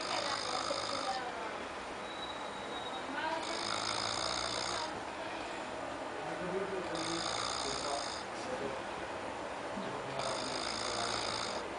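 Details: Snoring during sleep: recurring raspy, whistling breaths about every three seconds over a steady room hum.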